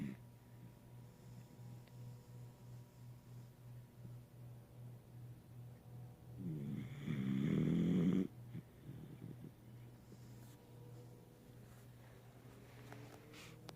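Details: Dog that earlier had a sore, first feared to be cancer, found to be a side effect of puppy strangles treated with antibiotics: low, rhythmic rumbling snore with fluttering pulses and a louder snort midway. Snoring.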